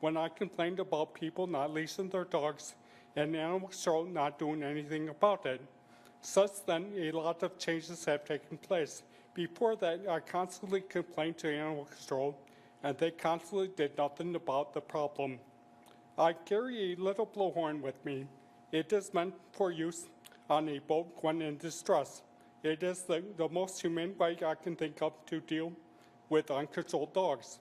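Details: Real post-stroke speech impairment in an adult man, who states it is due to several strokes; finding: post-stroke speech impairment.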